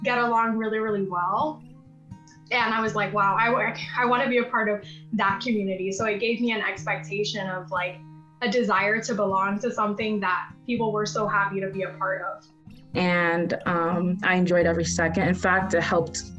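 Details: Adult woman speaking; normal fluent speech.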